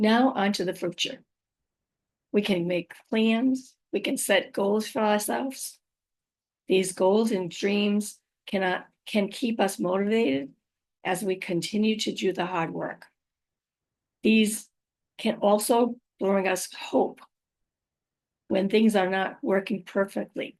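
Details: Adult woman with aphasia, apraxia of speech and dysarthria after a stroke, about five years into recovery; she says her speech can sometimes be hard to understand; finding: aphasia with apraxia of speech and dysarthria.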